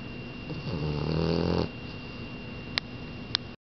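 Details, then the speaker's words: French Bulldog snoring: a low, fluttering, rattling breath of about a second, then quiet with two faint clicks. "Potato. Potato. Potato, you're snoring."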